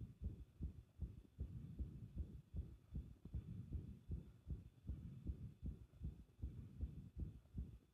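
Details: Fast, muffled, low heart thumps with uneven spacing and a low hum behind them: an irregular heartbeat.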